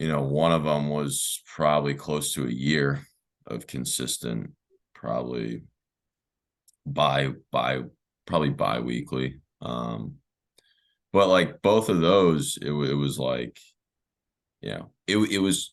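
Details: Adult man who has stuttered since about age four or five, with speech therapy in early years and through his teenage and early adult life; hesitations and filler words; stuttering.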